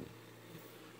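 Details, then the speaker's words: Invacare Perfecto stationary oxygen concentrator running, thought to be a tad louder than comparable units: steady low motor hum with a background hiss. "so we're going to go ahe and plug in the perfectto so you can hear this one before you make your decision on which concentrator you want to go with okay this is the Perfecto I think it's just a tad bit"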